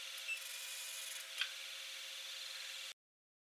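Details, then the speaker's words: Deep Renu Elite 40 W fractional CO2 laser. A foot pedal activates the scanner, which paints micro thermal zones sequentially in a circular pattern. Heard as a steady high-pitched hiss and hum with faint ticks: fractional CO2 laser scanner firing. "by depressing the foot pedal we activate the scanner and it will paint the micro thermal zones sequentially until it completes"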